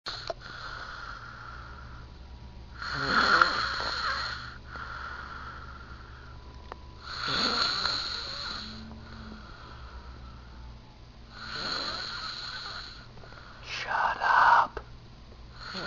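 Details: Man snoring loudly while asleep at 3 a.m., not waking when disturbed: loud, rough snores every four to five seconds, about 13 breaths a minute, over a steady low hum; snoring.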